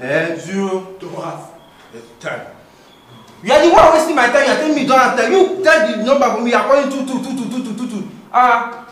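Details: Adult speaker, acted comedy scene; typical speech.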